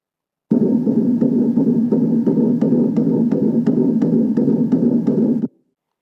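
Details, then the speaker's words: Fetal heartbeat of an unborn daughter recorded in utero: fast, rhythmic whooshing pulses at about 170 a minute over a steady hum. "this is the sound of the heartbeat of my daughter in utero my youngest daughter who's now nine"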